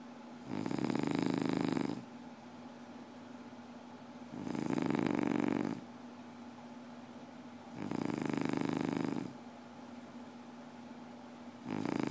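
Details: Somebody asleep snoring: regular buzzing snores about every three and a half seconds, roughly 17 breaths a minute, over a steady low hum; ordinary snoring.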